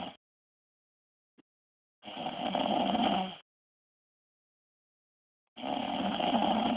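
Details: Loud, harsh, rattling snores on inhalation with long silent gaps between breaths from a wife sleeping; snoring.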